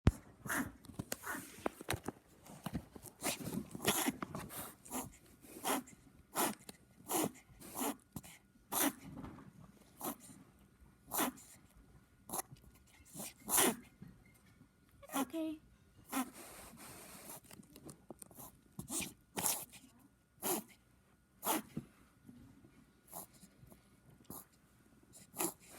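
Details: Puppy reverse sneezing: repeated quick, snorting inward breaths through the nose, air pulled in very fast, a spasm of the throat or soft palate irritation.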